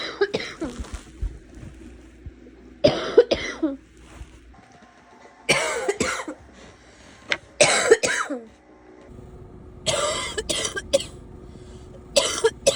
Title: Some coughing